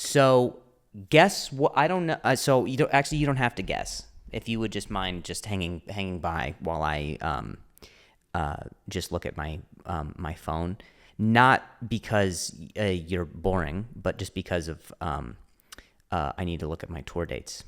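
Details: Stuttering (speech impediment) in an adult male comedian who stutters, speaking spontaneously and solo on his own podcast.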